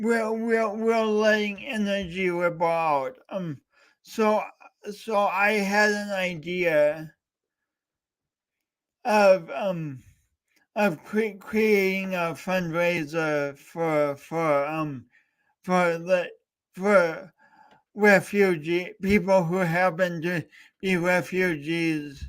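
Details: Man with a speech impediment (stuttering) who has had speech coaching for years, talking for three hours straight in a fundraiser livestream; repeated words and fillers; stuttering.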